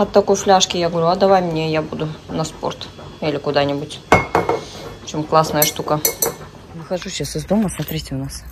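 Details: Adult speaker; Normal voice.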